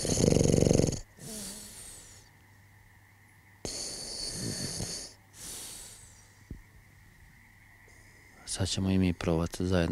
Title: School Snoring/Škola hrkanja